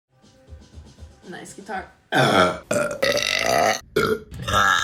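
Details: Burping compilation clip: several loud, drawn-out belches, some with a vocal, croaking quality, after softer sounds, with music around them.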